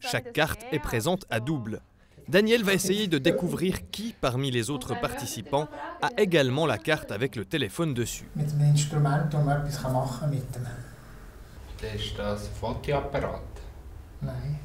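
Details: Adult male narrator speaking French, then a second quieter speaker; normal speech.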